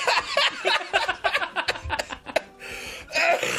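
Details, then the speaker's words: Coughing fit during gameplay commentary by someone who thought their cough had gone: a run of short, harsh, rapid coughs mixed with laughter, then a breathy strained hack. "I thought I got rid of my cough, but I didn't."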